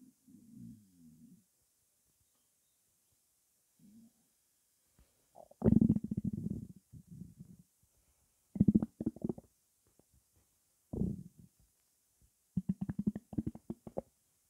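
Bursts of low gurgling and bubbling rumbles with quiet gaps between them: normal active bowel sounds as fluid moves through the gut.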